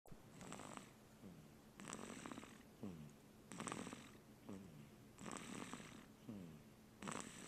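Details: Snoring: soft, rhythmic rattling breath sounds with a purring quality, about 36 a minute, fitting a small sleeping animal.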